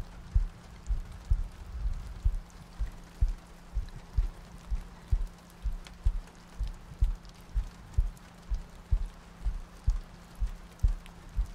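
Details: Sleep-aid ASMR loop with soft breathing and rain ambience: steady, soft low heartbeat thumps at about 63 beats a minute under a faint rain-like hiss; a regular heartbeat.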